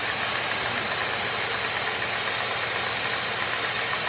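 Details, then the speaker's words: Dental suction pump (Micro-Smart, firmware 20180223) running during a suction test with a spittoon-valve setup: continuous loud, even rushing roar with a slight rattle as the tube clears of fluid. "also you'll have seen that the pipe is now cleared itself of any fluids which were really pleased now for that there's nothing sitting in the tube and I'll just switch it off"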